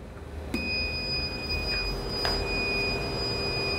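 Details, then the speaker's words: A high-flow nasal cannula unit is powered on and runs its start-up electronic self-check: steady high-pitched electronic tones over room noise; start-up self-check tone. "está realizando un chequeo de todo lo que tenga que ver con sesiones electrónicos en la primera etapa"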